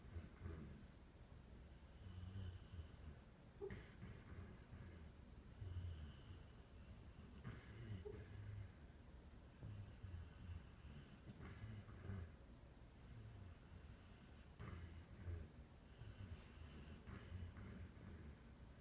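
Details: Dog asleep and dreaming: low, rumbling breathing with occasional snorts and brief sharp catches, possibly hiccups; snoring.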